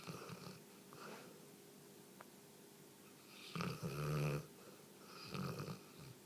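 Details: Snoring in a sleeping 3-year-old female Newfoundland dog: soft rattly breaths, then one loud, deep, buzzing snore and another rough breath.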